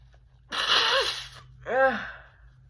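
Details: A single sharp sneeze burst followed by a brief voiced 'ah'; deliberately messy sneezing performed on request for a personalized sneeze video, recorded on a phone.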